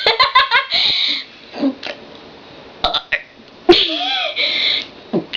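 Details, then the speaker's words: Person deliberately burping the alphabet (W, X, Y): a run of short, voiced burps, some drawn out and shaped like spoken letters, with pauses between; voluntary belching. "W X Y That was me burping my ABCs."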